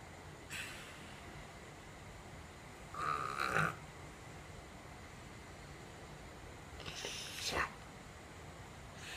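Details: Dog with no nostrils (stenotic nares) before surgery: harsh, snorting stertor from effortful mouth breathing, causing dry mouth, sticky tongue, tiredness and repeated waking.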